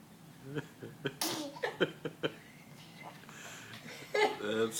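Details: A baby imitates his mom's sneeze with short breathy bursts and little huffs, copying the "achoo" rather than truly sneezing: a playful imitated sneeze.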